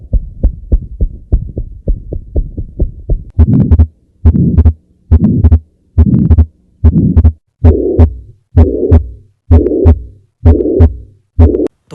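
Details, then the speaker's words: Heart murmur example heard through a stethoscope: brief crisp beats give way to long, harsh whooshing with each beat, attributed to possible atrial fibrillation, aortic stenosis or holosystolic murmur, warranting prompt hospital review. "इसका मतलब तुम्हें atrial fibrillation, aortic stenosis या होलसिस्टोलिक murmur की दिक्कत हो सकती है। जिसके लिए तुम्हें जल्द ही हॉस्पिटल में दिखाने की जरूरत है।"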